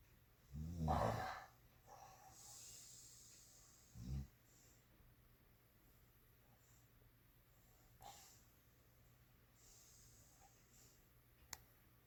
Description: Here is the video of my dog snoring. I bet this is the loudest snoring dog you ever heard.